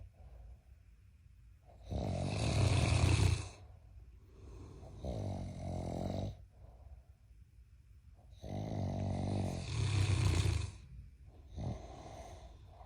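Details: Giant Mastiff puppy and husband snoring very loudly: loud, low, rumbling snores with each breath, about ten breaths a minute, heavy snoring.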